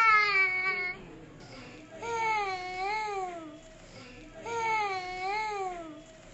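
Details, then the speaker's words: 18-month-old boy weighing 9.3 kg, holding his breath while crying for the past month; he cries in bursts separated by quiet pauses, a breath-holding spell during crying. "is an 18-month-old boy weighing 9.3 kilos presented with a complaint of holding breath while crying for the last 1 month"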